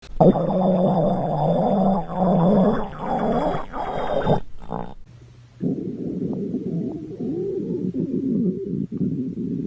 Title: Normal stomach growl 3